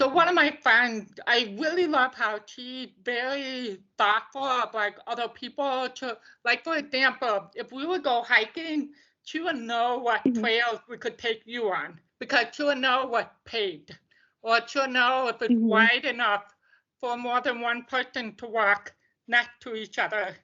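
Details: Deaf speech of a woman deaf since birth, diagnosed at 18 months, who wore bilateral hearing aids until college and now uses cochlear implants.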